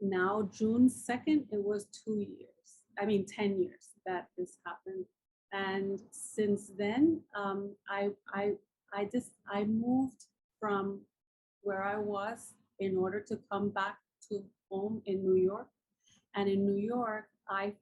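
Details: Woman with aphasia after a massive ischemic and hemorrhagic stroke 10 years ago, followed by coma and locked-in state; took almost a year to regain speech; still cannot write well.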